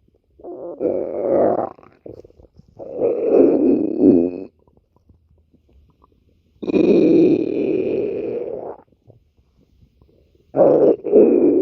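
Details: Stomach growling (borborygmi).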